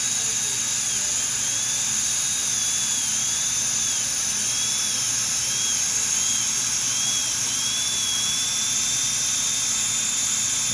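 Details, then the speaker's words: Continuous high-pitched whine of a high-speed dental drill, dipping in pitch as the bur presses in, while refining the margins of porcelain veneer preparations with lingual chamfer margins on incisors #7 and #8, the handpiece finger-steadied, vacuum in use. "And on these, I like to steady my handpiece head with a finger. And that might be a little tough to do, holding this vacuum."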